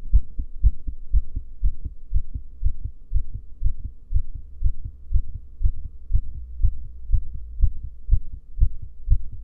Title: Female heartbeat during breath holding